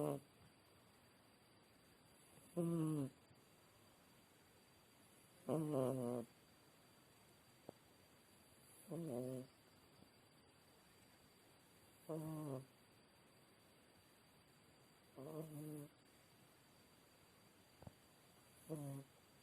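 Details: Sleeping cat snoring: soft, regular snoring at about 19 breaths a minute; normal sleep snoring.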